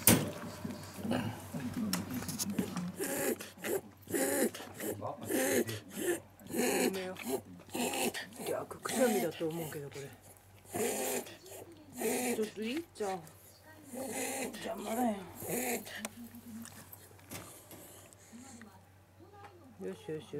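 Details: First recorded reverse sneezing episode in Koume, a 5-year-old female Shiba Inu: a run of rapid, repeated snorting inhalations.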